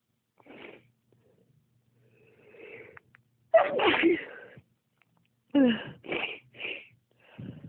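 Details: Sneezing fit that happens whenever the recorder's toes get cold, a trait shared with their father: several sneezes in quick succession, each with a sharp in-breath before a forceful burst.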